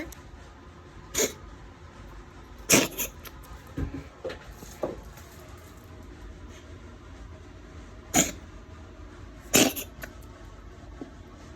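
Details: Several short, sharp sneezes from a cat, some in quick pairs, over steady background room noise; nose just itchy, cat has regular checkups. Sneezing.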